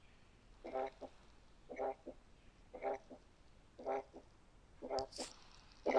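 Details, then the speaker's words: Teaching recording of a Still's (functional, innocent) systolic murmur, described as short, positional and variable in intensity: regular heartbeat near 58 a minute with a short buzzing, humming murmur between S1 and S2. "زي ما سمعنا مع بعض الكاركتر بتاعته مختلفه تماما، انا حاسس ان في حاجه بتزن ما بين السيستول والدايستول."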